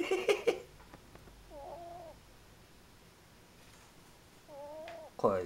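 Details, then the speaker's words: A sleeping cat snoring: two soft, whistling, wavering nasal tones about three seconds apart, with brief human voices at the start and end. "ねえマくポンタジュニアのいびき聞こえない"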